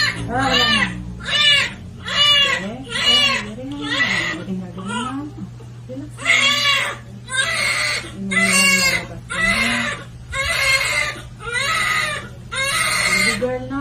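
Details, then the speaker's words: Loud, rhythmic bursts of crying, about one a second, from a newborn baby girl just after delivery; strong, healthy cry, encouraged to strengthen her lungs. "Ah ah ah lang girl lang para malakas yung ano para malakas yung ano niya lungs yung ls nh"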